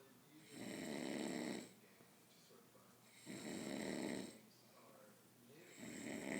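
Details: Loud, deep, rattling snores on each breath in, about three every six seconds, with quiet breathing out between; heavy snoring from a drunk man passed out on a couch.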